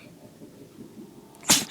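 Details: Sleeping dog gives one short, sharp, hissing sneeze out of quiet room sound; unexpected single sneeze.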